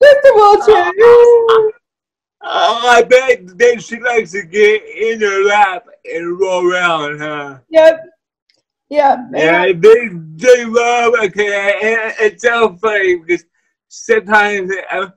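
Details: Wheelchair user with cerebral palsy: dysarthria (cerebral palsy).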